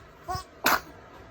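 A short in-drawn catch followed by one sharp, hissing burst, a single sneeze.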